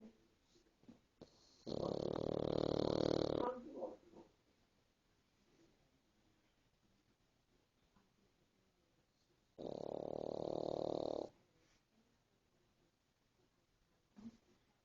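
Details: Sleeping pig snoring: two loud, harsh, rattling breaths about eight seconds apart, with quiet between.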